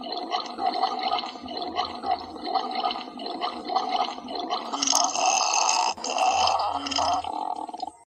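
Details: Person's stomach grumbling loudly "like a bear" from hunger; stomach growling (borborygmi).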